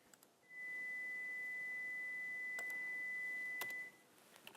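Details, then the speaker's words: Pure-tone audiometry test tone played in a hearing lecture demonstrating pitches from 250 to 4000 Hz: a steady, pure high-pitched beep lasting about three seconds in a quiet room. "to illustrate those different pitches I'm going to play a couple of them for you so here is a low pitch sound this would be 250 Hertz"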